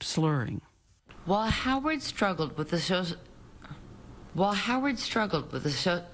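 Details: Adult woman recorded while drunk on alcohol, tape made more than two years earlier; she also had anxiety; slurred speech from alcohol intoxication.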